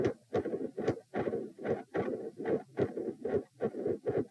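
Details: Heart sounds recorded at position p, lying down, during attempts to provoke murmurs: steady beat near 70/min, loud split S1 and S2 with a soft rushing midsystolic murmur between them.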